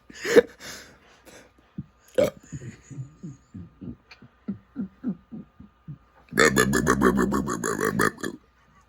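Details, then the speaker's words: Repeated belching: rapid run of short, low, voiced gulping burps, about three a second, ending in a long drawn-out rumbling burp, from the record holder for most burps in 60 seconds. "this is the Guinness World Record burp in 60 seconds"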